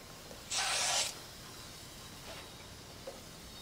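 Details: A real nasopharyngeal suctioning that the demonstrator performs on himself through a catheter: a brief loud suction hiss about half a second long, then quiet. The attempt retrieved nothing.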